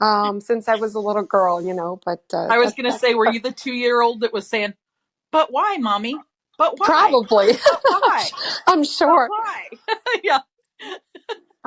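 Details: Adult women in conversation; normal voice.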